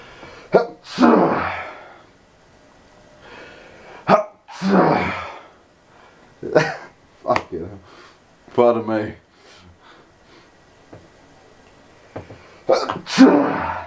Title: STOPPING THE SPREAD AND SNEEZING LIKE CRAZY AND CAN'T STOP